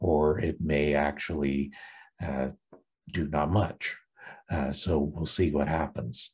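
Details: Adult with permanent left vocal fold paralysis from recurrent laryngeal nerve loss during thyroid tumour removal (anaplastic thyroid cancer, stage 4b) in October 2019, after injection medialization surgery, little change from before; pitch changes occasionally; unilateral vocal fold paralysis.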